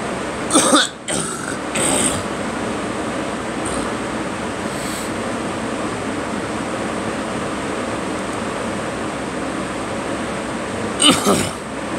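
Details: Person coughing: a burst of three quick coughs, then a fourth later, over steady traffic noise; cough.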